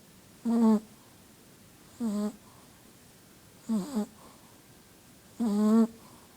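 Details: Sleeping Shih Tzu snoring in a quiet room: four squeaky, whistling, wheeze-like snores at about 36 breaths a minute.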